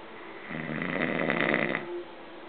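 One loud, harsh, fluttering snore on a single breath, then quiet. Plain snoring.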